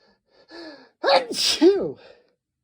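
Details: Deliberately induced sneeze (male), nose sensitive from cold weather: a quick drawn-in breath then one sharp, explosive sneeze.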